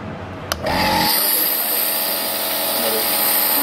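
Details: Elitech Promist nebulizer, with medication cup filled and mask fitted on the patient: a click, then a steady loud buzzing motor hum with hiss as the compressor switches on and runs; nebulizer compressor running.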